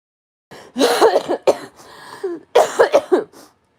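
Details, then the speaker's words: Adult sick for over a week with a lingering illness, coughing during a livestream: several harsh cough and throat-clearing bursts with a voiced catch between them. "And I will be coughing when I go on panel like I went last night."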